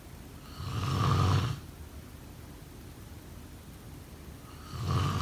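Deep, rumbling snores about four seconds apart, with steady background hiss between them. Snoring during sleep.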